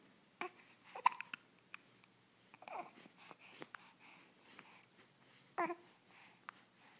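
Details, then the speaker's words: Baby with hiccups; soft, abrupt catching sounds every second or two between quiet infant babble. "It's hard to smile when you have the hiccups."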